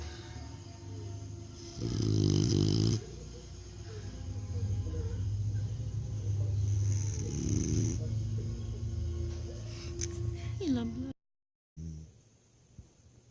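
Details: Bully dog snoring: loud, rattling, low snores in rough bursts, with a steady background hum and faint music; ordinary snoring.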